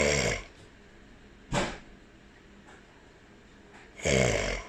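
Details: Father snoring in sleep while a pet cockatiel listens: harsh, vibrating snores with each breath and a quieter rushing breath between; ordinary snoring.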